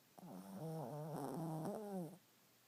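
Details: A 7-year-old dog sleeping gives a single drawn-out, whistling, moaning snore lasting about two seconds.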